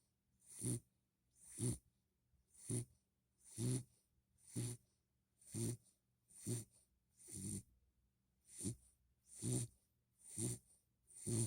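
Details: Puppy sleeping, tired after a long walk from the park, with rapid regular rattly snoring, about 60 breaths a minute with quiet gaps between: snoring.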